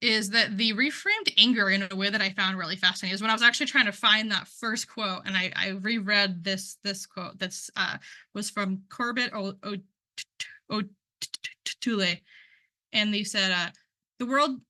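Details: Man who identifies as a person who stutters, speaking at a stuttering conference; word and part-word repetitions are audible; stuttering.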